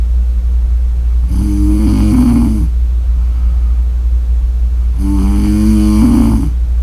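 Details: Adult snoring audio: two loud, rattling snores about four seconds apart over a steady low hum.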